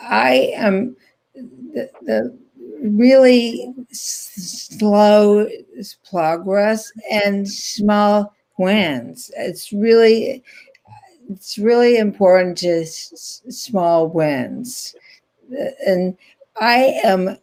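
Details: Non-fluent aphasia in an adult woman after a stroke in 2010, about 10 years earlier, still in ongoing speech and rehabilitation therapy.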